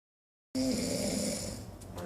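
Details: Loud, rough, rattling snoring with a buzzing tone through the airway during sleep.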